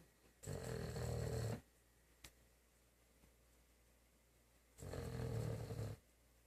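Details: Sleeping German Shepherd dog snoring: two long, rattling snores a few seconds apart, with quiet pauses between breaths.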